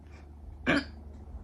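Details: Tourette syndrome in a woman with tics since about age five or six. This is her main audible vocal tic, a grunt/throat-clearing noise made to satisfy an urge to feel throat vibration.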